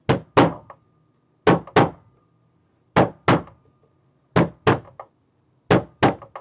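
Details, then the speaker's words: Imitated normal heartbeat rhythm, demonstrated by knocking on an object: paired lub-dub knocks close together, then a longer pause, about 43 a minute. "okay your heart does not beat like this it beats like this"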